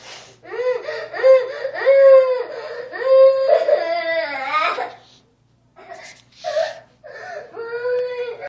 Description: was being a bully so his little brother hit him..